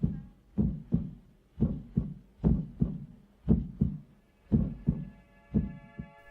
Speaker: your character may not remember everything about a single event but they may remember the sound of their heartbeat